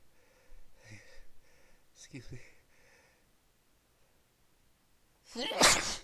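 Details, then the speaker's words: A few quiet murmured words ("gonna sneeze, I've been sneezing all day"), a pause, then one sharp, forceful sneeze; person sneezed repeatedly for about 20 minutes; sneeze. "gonna sneeze. I've been sneezing all day."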